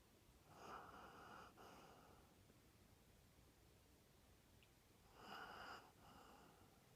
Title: Snoring rat terrier dog